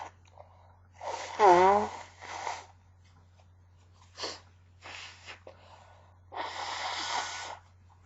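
A strained, squeaky intake followed by muffled, held-back bursts of air and a hissing exhale: several stifled sneezes, with a steady low hum behind.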